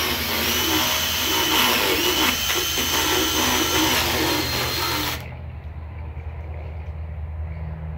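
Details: Horse dentistry: the loud high-pitched grinding whine of a motorized dental power float rasping a horse's teeth, then the tool stops and room noise remains.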